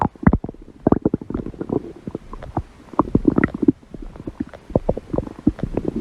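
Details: Hunger stomach growl: irregular gurgling and bubbling rumbles; ordinary borborygmi.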